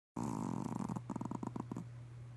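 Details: Pomeranian dog snoring during a midday nap: brief run of rapid, fluttering nasal rattles; snoring.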